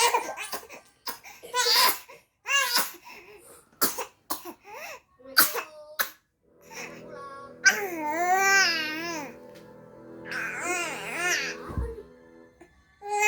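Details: An infant who always coughs when crying gives short coughing bursts and fussing cries, then settles into sustained wailing, with music behind.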